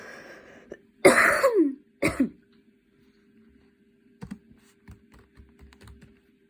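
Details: Person standing and studying for an exam, changing positions, as a cough attack worsens: two forceful, harsh coughs close together, then soft keyboard tapping; part of a coughing fit.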